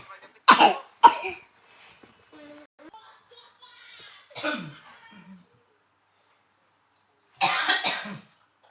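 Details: A few short, harsh coughs from a young child with a cold and runny nose, with quiet talk between, before being given medicine; cough.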